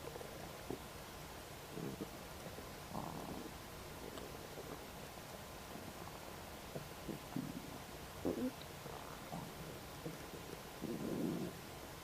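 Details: Borborygmi just after eating a snack of ribs: irregular gurgling and rumbling bursts from the belly.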